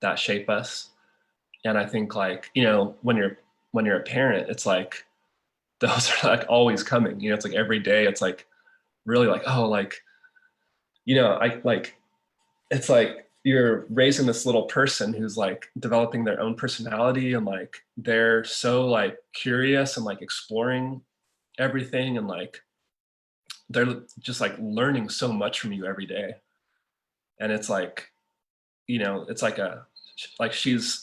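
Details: Stuttering in an adult man who is a filmmaker and father; stuttering.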